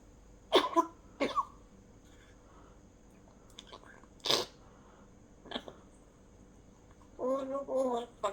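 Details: Four short, separate coughs spaced a second or more apart in a quiet room, followed by a brief voiced sound; cough.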